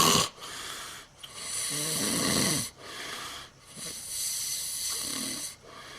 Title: The Snoring Samoan